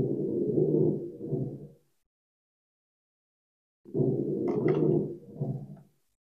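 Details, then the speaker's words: Lung crackles from fluid or mucus build-up, heard on auscultation and played in a lecture: two breaths with rough, popping, crackling sounds over low breath noise, with music in the background. "and then let's hear what crackles sound like crackles are kind of like pretations I wanted toid basically any sort of fluid or mucus built UPS hear that craing sound as passes through that fluid orc area"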